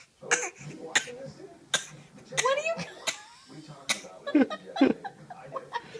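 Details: A child gives several short, forced cough bursts on purpose, with television talk playing in the background: voluntary fake cough.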